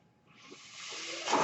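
A soft airy hiss rises steadily for about a second and peaks at the end: a mechanical ventilator delivering a breath.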